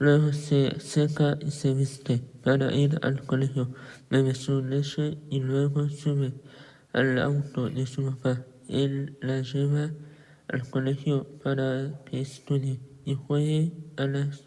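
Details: Patient with cleft lip and palate and velopharyngeal insufficiency confirmed by nasometry, in connected speech. Hypernasality.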